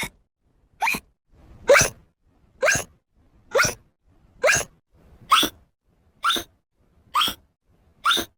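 Ten short sharp hiccup sounds at an even pace, about 67 a minute, from a sound-effect recording.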